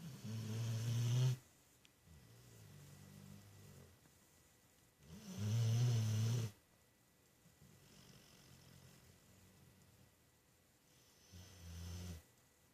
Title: Wow how can I sleep if Hercules snoring so loud